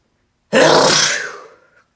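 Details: One loud, explosive sneeze that fades over about a second in a quiet room.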